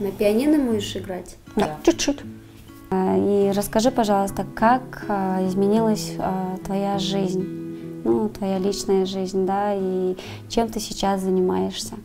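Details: Adult female speaker over instrumental music; ordinary speech.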